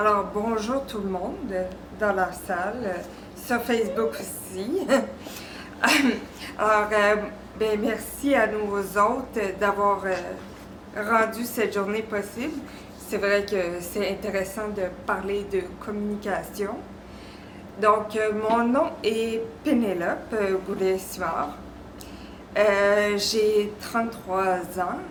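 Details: 33-year-old woman with aphasia after strokes at ages 24 and 26, caused by a congenital arteriovenous malformation: aphasia.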